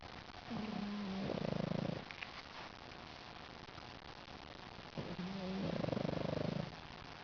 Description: Smiling pug sleeping and snoring.